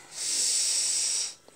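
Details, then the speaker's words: Young child with cough, cold and fever (37.7 °C), asked to breathe in through the nose, which is said to be blocked: one long hissing nasal in-breath with a rough airy edge; nasal congestion breathing. "Tarik nafas gini. Pakai hidung tarik nafasnya. Buntu."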